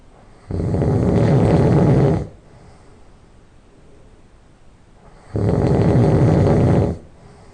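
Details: Person who just fell asleep: two long, loud, low rattling nasal snores about five seconds apart with quiet breathing between; loud nasal snoring.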